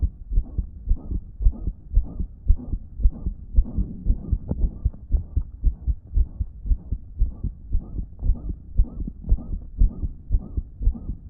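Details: Own damaged heart recorded on a phone, noted as not pumping effectively that day: regular heartbeat about 113 a minute, each beat followed by a loud blowing whoosh; loud blowing heart murmur.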